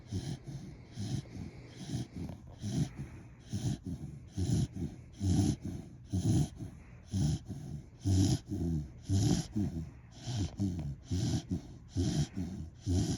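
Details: Napping dog snoring steadily for about a minute, with snorting, rattly sounds on breathing in and out at roughly 30 breaths a minute.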